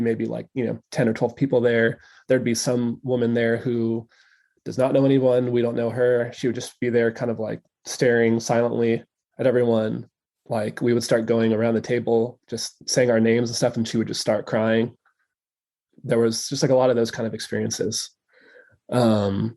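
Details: Stuttering in an adult male who has stuttered since childhood and now stutters openly, in real conversational speech.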